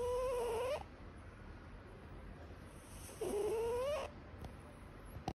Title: Cat Snoring